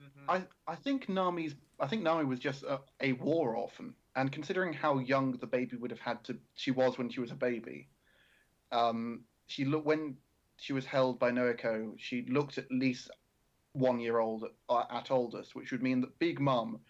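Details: Adult male speaker; normal speech.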